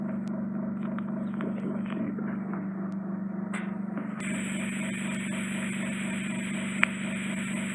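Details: Endoscopic microsuction of severe ear wax impaction from a woman's left ear gives a steady suction hiss with a low hum, rising to a sharp high whistle as wax enters the tube; a possible attic cholesteatoma was seen after removal.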